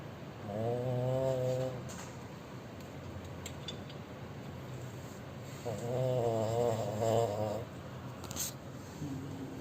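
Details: Two long, low, rumbling, fluttering snoring breaths about four seconds apart in a quiet room.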